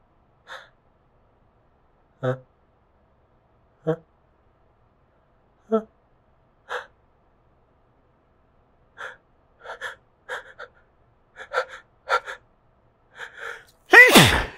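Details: Stifled sneezes with buildup: repeated catching inward gasps build toward clusters of muffled sneezes held back to stay quiet, ending in one louder, fuller sneeze.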